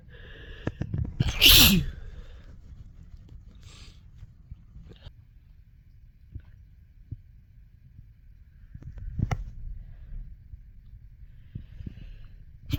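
One loud, explosive sneeze with a short voiced build-up, then quiet breathing and small handling noises.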